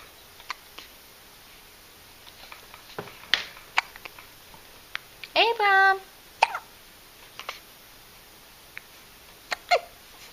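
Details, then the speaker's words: Hiccups in a two-week-old infant: small, sharp hiccups at irregular intervals, with a brief cry-like sound and an adult voice nearby. "do you have the hiccups?"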